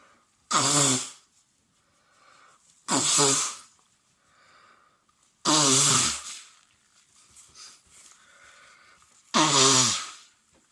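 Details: Adult man with a cold, sensitive nose, congestion and cough after cold, windy mountain weather. A wet sneezing fit: four loud, explosive, wet sneezes in quick succession with quiet sniffling between.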